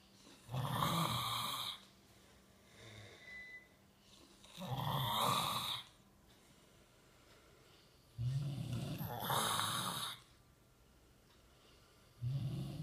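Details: Rough, rattling snores with each breath, about 15 breaths a minute, with quiet pauses between them; ordinary snoring.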